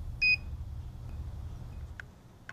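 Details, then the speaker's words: Philips HeartStart OnSite AED in a training demonstration: a short high beep, then quiet room noise and soft clicks; the low battery alert prompting battery replacement. "for example if battery power is low the onsite will tell you to replace the battery"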